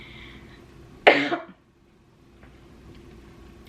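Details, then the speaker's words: Young adult with idiopathic subglottic stenosis (airway narrowed by scar tissue) coughing consistently even when not otherwise sick: chronic cough. "I didn't notice anything was really happening differently um I but I was like coughing pretty consistently um kind of like"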